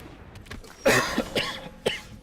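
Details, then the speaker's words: Adult coughs about three harsh, painful times after dust went down the throat, clearing airway irritation. "oh jeez. Oh, something went down my throat again. Dust bits."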